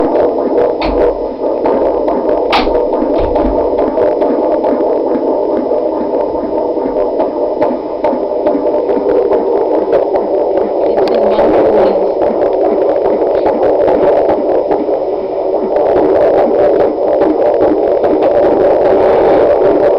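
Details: Pregnancy week 37, fetal Doppler: fast, steady whooshing pulses of the fetal heartbeat, about 140 beats a minute, with constant hum.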